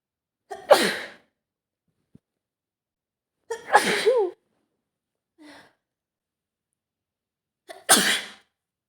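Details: Adult woman with a full-blown autumn cold and stuffed nose: three sharp sneezes, each with a quick intake before the burst, in a quiet room.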